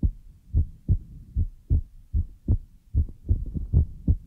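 Soft, fairly regular low thumps like a heartbeat, roughly 75 a minute, in a quiet relaxation recording.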